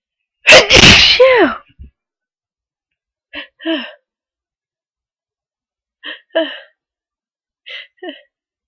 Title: 3 breathy powerful sneezes